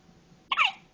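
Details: A single short, high-pitched catch of breath; hiccup in a newborn just twenty-four hours old.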